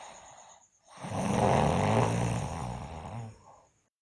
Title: Sleeping Girl Loudly Snore